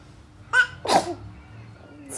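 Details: Infant sneezing: a quick double sneeze, each a short intake then a sharp burst, in a quiet room.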